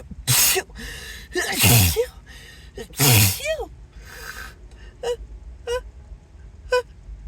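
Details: Acted, announced sneezing fit; the speaker apologises, says they can't stop and suspects an allergy: a run of loud sneezes with gasping in-breaths between them, then short voiced exclamations, over background music.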